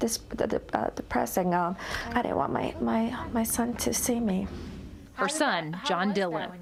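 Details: Aphasia in an adult woman following a stroke in 2003, a month after her 40th birthday; she is still living with aphasia; real speech.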